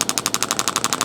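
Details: Rapid evenly spaced sharp clacking pulses, about twelve per second, from a radial shockwave device, red tip, comfort mode off, on an adult man's deltoid for shoulder pain at chiropractic clinic, intensity raised, aiming for about 6/10 discomfort; radial shockwave therapy device.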